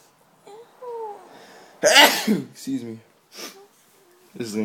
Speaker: I sneezed on myself.